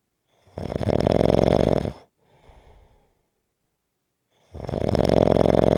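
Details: Loud, low rattling snores on each in-breath with a soft exhale and pause between, about 15 breaths per minute: typical snoring.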